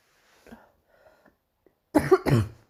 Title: morning cough part 2